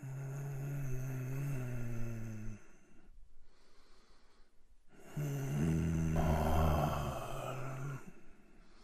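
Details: Sound effect of a man sleeping or feeling ill: loud, low buzzing snores on two long breaths, with quieter rough breathing between them; snoring.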